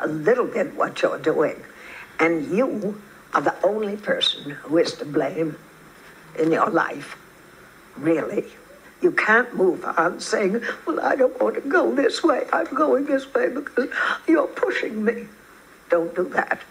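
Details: A woman later in life, diagnosed with essential tremor rather than Parkinson's, with rhythmic head movement and hand shakiness also noted; voice tremor (essential tremor).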